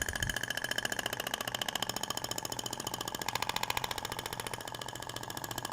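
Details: Thork Ibramed radial shockwave (ESWT) device applied to the abdomen in an aesthetic treatment, about 2,000 shots over two passes: rapid, steady mechanical tapping at about 3–4 shots a second; device firing pulses.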